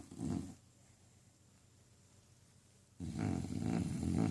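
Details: Loud, deep rumbling snores separated by a quiet pause of a few seconds, from a female dog fast asleep and apparently dreaming; loud snoring.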